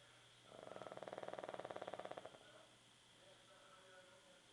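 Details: Snoring: a soft, rapidly fluttering, vibrating snore lasting about two seconds, then quiet breathing.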